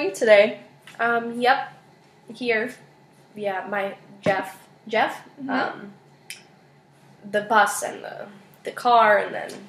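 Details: Patient in a speech therapy session greeting the clinician, with fluent speech and jargon; finding: Wernicke's aphasia.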